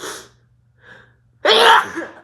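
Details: Person with a cold sneezing: a quick sneeze, a short breath in, then a loud explosive sneeze.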